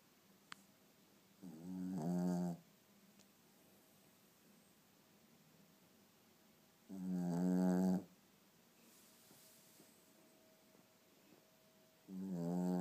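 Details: Sleeping pugalier (pug-cavalier cross) puppy snoring very loudly: three loud, rumbling, fluttering inspiratory snores, roughly 11 a minute, with quiet pauses between; ordinary snoring.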